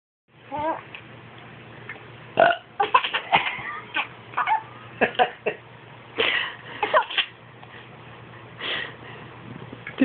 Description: Baby giggles every time Daddy Burps.